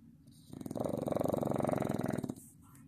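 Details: A Staffordshire Bull Terrier puppy snoring in its sleep: a single loud, rattling snore lasting nearly two seconds.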